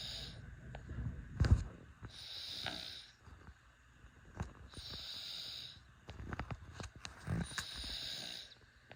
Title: Cute baby snoring 💤